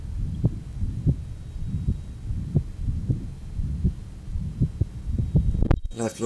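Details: Johns Hopkins 1955 heart sound recording, rheumatic heart disease with mitral stenosis and mitral insufficiency (regurgitation), pulmonic area.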